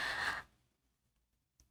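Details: Acted demonstration by a Spanish-speaking speech therapist: she starts a sentence, inhales, and the word does not come out, giving a voiceless pause with vocal-cord and facial tension from uncoordinated breathing and phonation; inspiratory block (stuttering).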